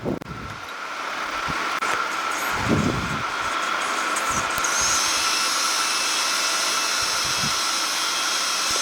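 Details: Cochlear implant surgery in a post-stapedectomy ear: steady high-pitched surgical drill whine with faint instrument clinks, drilling a wide posterior tympanotomy to expose the middle ear and round window.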